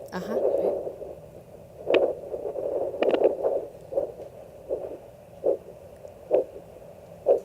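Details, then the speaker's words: Handheld arterial Doppler over a foot artery, used without gel: muffled, regular pulsing whooshes at about 65 a minute, the arterial foot pulse. "ponemos el doppler y vamos a escuchar en el pulso hay que buscar lo que se escucha"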